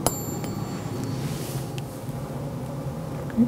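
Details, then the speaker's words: Tuning fork tone for a Rinne test during a cranial nerve VII–XII examination of a woman, fork held beside the ear: thin, pure ringing tone slowly fading. "tuning fork to the side of your ear and I want to know if you can still hear it okay if I can just get you to move the hair back from your ears thank you okay so tell me if you can hear this yep and tell me when it disappears"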